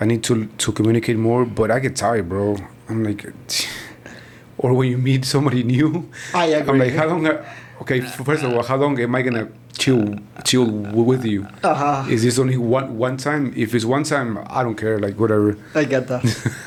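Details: Stuttering in a man in his 40s, born in Mexico and living in Texas, first noticed around age five or six; his father also stutters and he believes it runs in the family.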